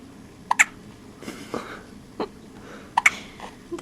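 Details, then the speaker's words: Newborn girl on her second day of life, sleepy, with hiccups like those felt in the womb; quick, squeaky little gulps in small bursts with soft baby noises between. "so here we are day two just got her dressed her little littlefit and she's got the hiccups on her"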